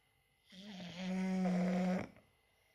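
One long, buzzing, tonal snore on a single breath in, from a flat-faced dog.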